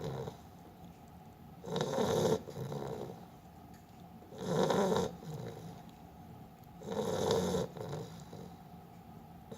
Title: PONGO The snoring Beagle